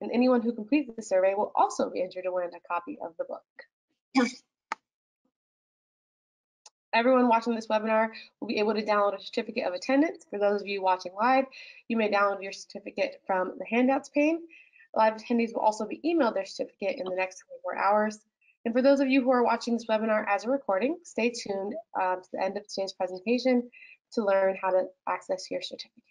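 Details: Adult woman speaking; normal speech.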